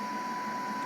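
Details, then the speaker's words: Pegaso E7C cough assist device in manual cough mode with oscillations switched on: steady machine airflow with a constant tone and fine fluttering. "I've also got oscillations switched on"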